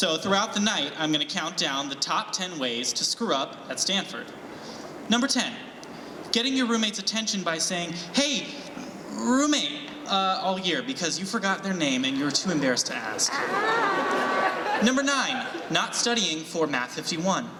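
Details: Adult man speaking; Normal speech.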